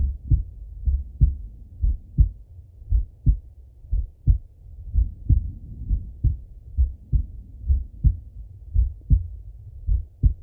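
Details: Male full heart auscultation through a stethoscope, recorded partly sitting at a desk and partly lying in bed: steady regular muffled low-pitched lub-dub; normal heart sounds.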